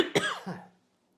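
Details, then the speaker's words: A child coughing toward the microphone; the father says the child coughed in his face all the previous night and blames a virus. "Now he's coughing towards you. But all last night, coughing right in my face."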